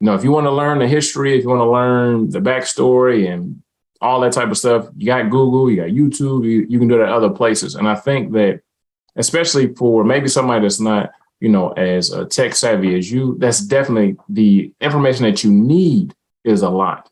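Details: Adult male speaker; Normal conversational speech.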